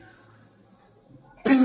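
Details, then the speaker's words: Child with croup (viral infection of the larynx/trachea): after a quiet pause, one sudden, harsh, tight croupy cough. "السعال الديكي او الخناق ده بيبقى عدوه فيروسيه بيمسك الحنجره او القصب الهوائيه ويبقى الصوت اللي انتوا هتسمعو"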